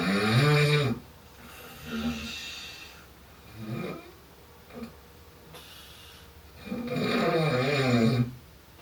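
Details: Heavy snoring during sleep from a soon-to-be husband with fairly severe snoring, recorded while testing an anti-snoring pillow: loud, rough, rattling snores on the in-breath with quieter breathing between them.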